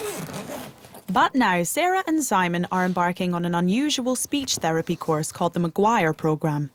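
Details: Adult narrator; fluent speech.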